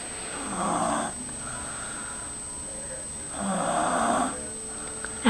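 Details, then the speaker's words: A sleeping boy, snoring: two rough, rumbling snores on breaths in, separated by quiet breathing out, in a quiet room. "This is sleeping and snoring."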